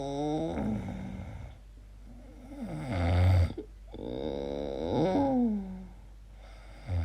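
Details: Person recorded asleep making strange noises, wondering about sleep apnea; irregular, groaning, rattling snores with a brief quiet break: noisy snoring.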